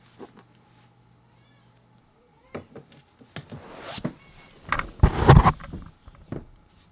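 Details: An exclusively breastfed baby girl, held by her father, fusses and cries in the background with short, irregular, whiny bursts after a quiet start. Infant crying.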